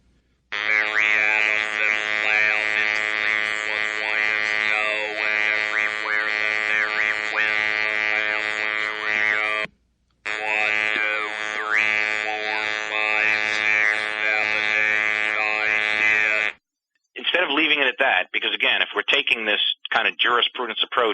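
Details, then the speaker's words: Electrolarynx speech read as a brief passage with the device held in front of the lip, a replication test: monotone mechanical buzzing voice shaping words. "I am going to read a brief passage for you with the electro larynx held in front of my lip"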